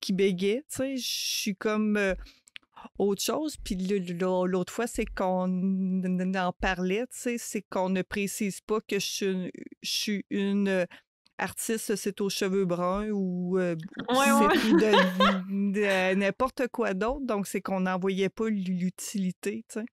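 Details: Adult woman who stutters, French-speaking; stuttering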